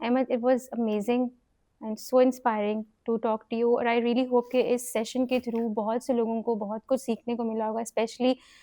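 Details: Adult woman speaking; ordinary speech.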